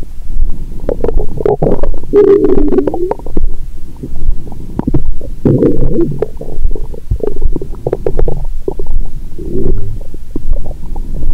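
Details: Adult's abdomen via stethoscope after a Christmas dinner with wine following a 22-hour fast, while drunk: continuous loud gurgling and bubbling; active bowel sounds after a heavy meal, a normal finding.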